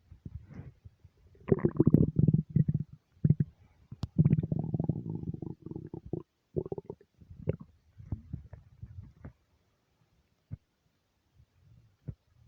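Long, low gurgling rumbles and bubbling pops from the gut, fading to scattered clicks: normal stomach rumbling.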